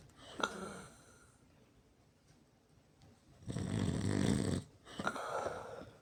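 Loud, rough snores with a long rumbling breath and shorter snorts between quiet gaps, in a sleeping adult.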